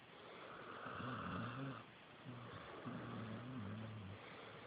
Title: Snoring pitbull Nala